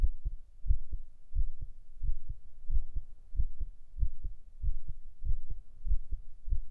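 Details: Binaural ASMR heartbeat recording for sleep and relaxation: soft paired low lub-dub thuds at roughly 90 beats a minute over a faint hum, a normal heartbeat.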